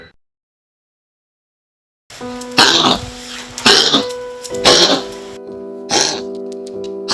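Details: Dog that has coughed for two months, though nothing turned out to be wrong with it: four harsh, hacking cough-like bursts over background music, apparently an acted cough.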